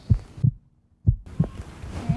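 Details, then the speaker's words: Heartbeat heard through a stethoscope placed over the heart in a children's science lesson: regular low thumping paired beats with a brief gap; normal heartbeat. "หัวใจอยู่ตรงนี้เพราะว่ามันสั่นหูฟังเหมือนขึ้นมาแบบนี้จะช่วยให้เราได้ยินเสียงหัวใจชัดขึ้น"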